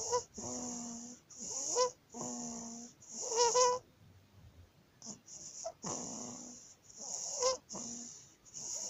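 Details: 19-day-old baby with laryngomalacia: rapid, noisy breathing with a high-pitched, musical crowing sound on each inspiration, repeating quickly and evenly; inspiratory stridor.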